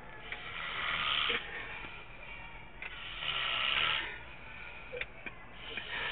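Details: Light snoring: slow, hissing, raspy breaths about every two and a half seconds with small clicks between them.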